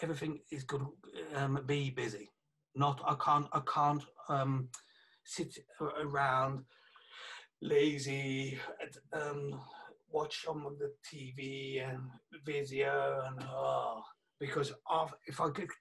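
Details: 48-year-old man, a police detective, with aphasia affecting communication after a stroke about three years earlier, plus right-sided weakness of his hand and leg; aphasia.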